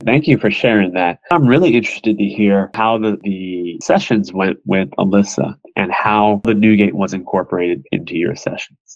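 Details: Adult male speaker; Normal speech.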